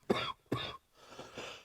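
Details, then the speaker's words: Two sharp, harsh adult cough bursts, then quieter breathy exhalations in a small room, after smoking a blunt; cough. "You're supposed to talk while I'm coughing, so it's bro. an audio podcast. Nah. Or it's an audio show, I should I'm say. gonna let you cough it out."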